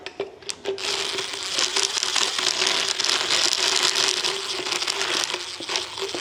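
A steady motor whine with a harsh, continuous grinding rasp: a motorized dental float filing a horse's teeth.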